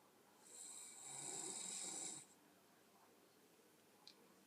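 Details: Single brief high-pitched hissing snore from a woman (sister) asleep, then quiet room noise.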